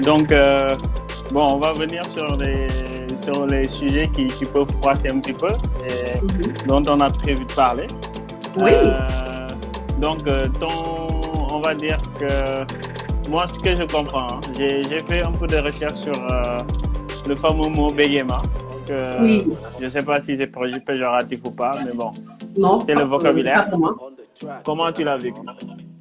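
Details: Adult speaker; normal speech.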